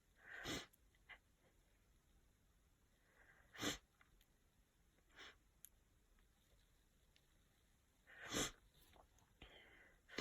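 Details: Person with a sniffly head cold for a few days: four sharp, sudden sneezes with quieter sniffing and breath sounds between them; sneezing.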